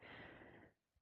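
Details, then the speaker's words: A single sharp nasal snort of about 0.7 seconds from an adult with Tourette syndrome, who says he does this nose tic when ticking badly; nasal sniff/snort vocal tic. "I'm sure I uh when I'm ticking this bad, I I you know, I I kind of I guess do that thing with my nose. I don't even know how to [ __ ] describe it."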